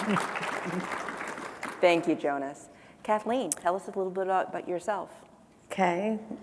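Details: Adult female speaker; typical speech.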